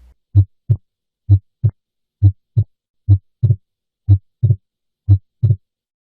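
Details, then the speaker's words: Normal physiologic S2 splitting on heart auscultation: steady rate near 60 a minute; S2 single on the first three beats during exhalation, then split into two close taps during inspiration. "This is normal physiologic S2 splitting. I'll play you an example of this now. The first three beats are during exhalation when S2 is single. And then the beats after that are during inspiration when S2 splits."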